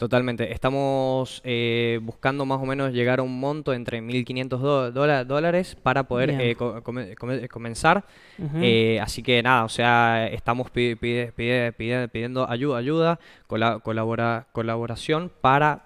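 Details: Young man from San Juan, Argentina, speaking Spanish in a broadcast interview about an app he co-created for people who stutter; stuttering.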